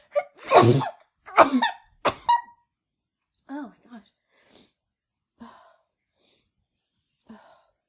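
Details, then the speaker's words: Adult woman with her first head cold of the year, after using chhinkni: three forceful sneezes in quick succession, then soft gasping breaths and faint vocal sounds. "Oh, they're so strong. Oh. Oh. I got another one, I think."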